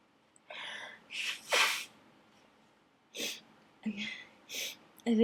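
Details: Several loud sneezes in a run, each with a sharp in-breath, plus sniffs and gasps: a messy sneezing fit set off by dust in an attic.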